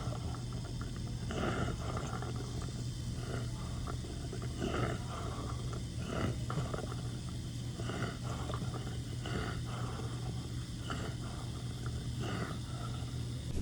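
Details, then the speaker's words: Soft, regular wet gurgling with each breath over a low room hum: a lighter, quieter example of the death rattle (terminal respiratory secretions) in a patient at the end of life. "I think people hear the death rattle for the first time specifically coming from someone they love. It's unexpected. They don't know what it is and it can really scare you."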